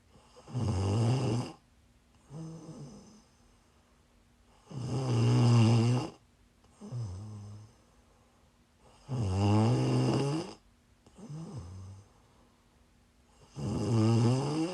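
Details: Live-streamed sleep recording of a sleeper who is sick: loud, rough snoring on each in-breath with softer out-breaths, about 14 breaths a minute, steady; snoring.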